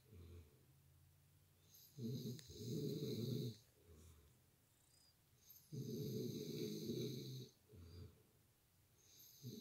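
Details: Man snoring very loudly during sleep, likened to a grizzly bear: deep, rumbling snores in regular cycles, loud on the in-breath with softer breathing between, about twelve to fifteen breaths a minute.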